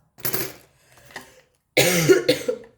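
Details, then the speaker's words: Adult who apologizes for coughing while talking: two short bursts of dry coughing close together in a quiet room, with a brief throat sound between them. "Vraiment, je m'excuse. Ne m'en voulez pas. Ne me détestez pas. Mais je risque de tousser plusieurs fois dans la vidéo."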